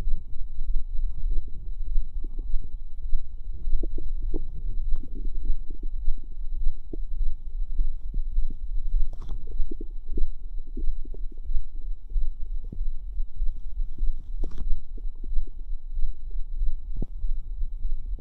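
Irregular bubbling, squelching gurgles over a low rumble, with a steady background tone; ordinary bowel sounds.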